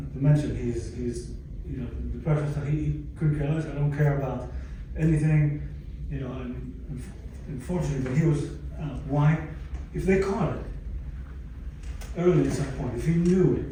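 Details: Stroke survivor with aphasia from a stroke about 11 years earlier, speaking English; aphasia.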